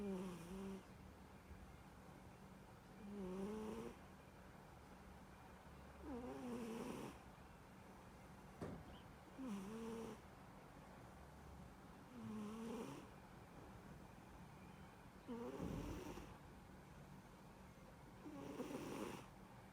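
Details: Sleeping cat snoring: soft, regular snores at about 19 breaths a minute in a quiet room.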